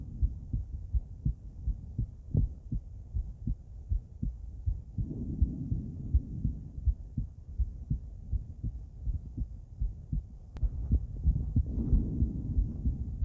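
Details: Female heart auscultated with different stethoscopes at Erb's point, then mitral, tricuspid, aortic and pulmonic sites: steady paired heart sounds at about 80 per minute with some handling rustle; normal heart sounds.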